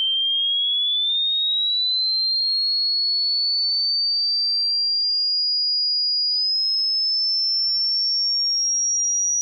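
A single steady pure tone that rises slowly in pitch, a high whistle-like sweep used as a hearing test signal.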